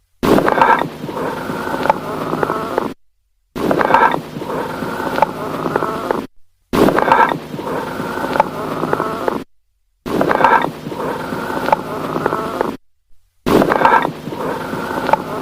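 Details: Hollow, jar-like breath sounds repeating in regular cycles on auscultation, typical of amphoric breathing over a large air-filled cavity: amphoric breath sounds.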